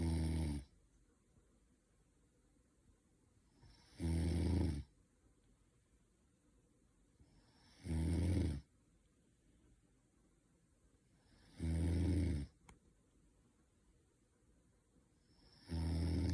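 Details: Sleeping person snoring: loud, low, rattling snores repeating regularly about every four seconds, roughly 15 breaths a minute, quiet between them.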